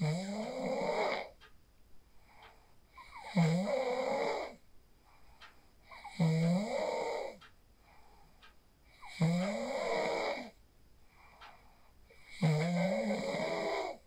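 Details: Phone recording of a person sleeping after practising the 4-7-8 breathing technique: a steady run of loud, vibrating snores on inhalation, about 20 per minute, with soft breathing between. Ordinary snoring.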